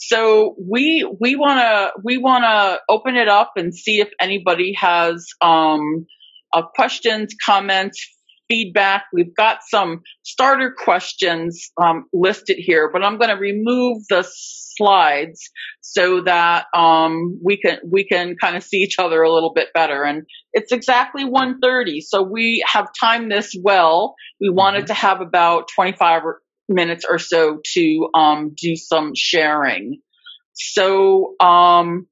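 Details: Adult female who reports being a covert stutterer for more than 30-35 years; stuttering with repetitions of words and parts of words.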